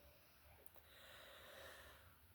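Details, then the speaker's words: Faint snoring from a dog asleep on a sofa, heard in the background during a spoken crochet tutorial. "I should just mention, if you hear the faint sound of snoring, I am looking after a friend's dogs at the moment. And one of them is snoring on the sofa next to me, so I do apologise."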